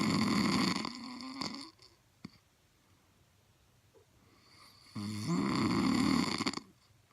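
Two loud, rough, rattling snores on inhalation, separated by a quiet pause with a faint click; ordinary snoring.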